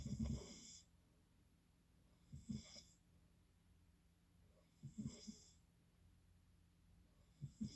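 Low, rattling snores on each in-breath, roughly every 2.5 seconds, over a steady room hum; snoring.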